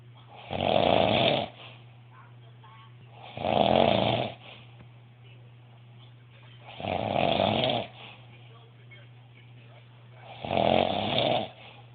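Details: Person snoring heavily: loud, rough snores repeating about every three and a half seconds, roughly 17 a minute, over a steady low room hum.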